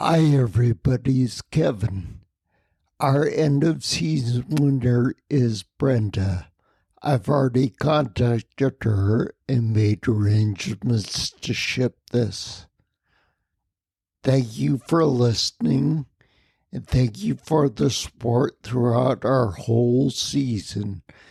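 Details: Ataxic dysarthria in a man with the rare neuromuscular disease spinocerebellar ataxia, causing mobility challenges, a speech impediment and noise-induced anxiety, lived with for over 20 years.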